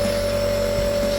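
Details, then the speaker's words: Omron compressor nebulizer, no Ventolin, treating a child with cough and cold during deep breathing: brief steady motor hum with a constant whine; compressor nebulizer running. "Ya, nah ini akan mempermudah dahaknya ini akan lebih encer. Jadi tidak menyumbat ke saluran pernapasannya."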